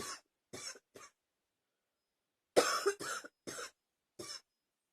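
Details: Two runs of short, harsh coughs, about eight bursts in total, separated by a quiet pause; repeated coughing fits.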